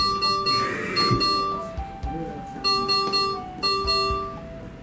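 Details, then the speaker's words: Repeating electronic alarm tones from an ICU ventilator after cardiac surgery, expected as sedation is switched off and the intubated patient begins waking. "once the sedation is Switched Off and you begin to wake the ventilator May alarm a lot and it will sound like this"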